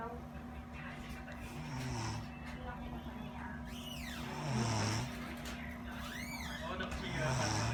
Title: snoring 😴 06/12/16